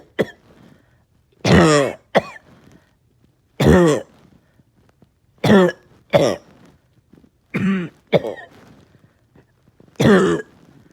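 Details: Person with a bad cough all day that won't shift, tired, with chest pain: eight harsh, voiced coughs over about eleven seconds, some in quick pairs, with quiet gaps, a persistent cough.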